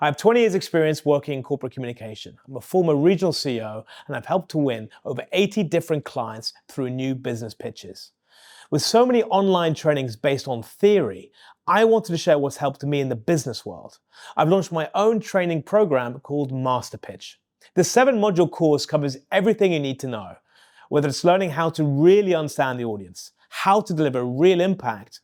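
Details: Adult male speaker; typical speech.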